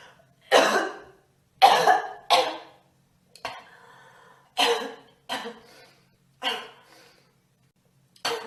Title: Girl Coughing 375